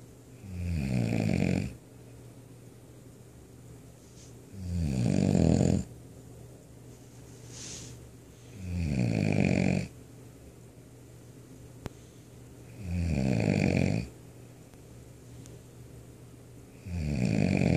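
Loud, low, rattling snores on each breath in, about 14 breaths a minute, with quiet pauses between; heavy snoring.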